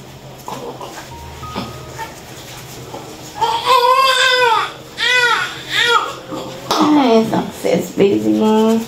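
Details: Baby girl just born by normal vaginal delivery: loud, rising and falling wails with a few brief pauses over delivery-room talk; healthy newborn crying strongly.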